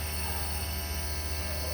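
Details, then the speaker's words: Air-compressing (compressor) nebulizer switched on and running: steady low motor hum with a constant buzz as the compressor pushes air up the tubing to make mist via the venturi effect. "Selanjutnya alat akan bekerja dengan melakukan tekanan udara dari motor kompresor naik ke selang."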